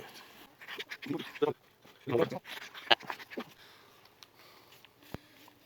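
Quick, irregular breathy bursts from a dog, roughly 85 a minute, with some whimpering; panting.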